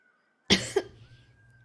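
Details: A Twitch streamer, an adult, gives one short, harsh cough during a live stream, with a faint steady tone in the background.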